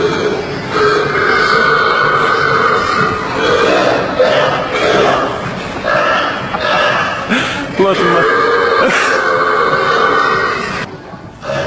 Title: Extreme burping part 2 / Schuddebuiken Facebook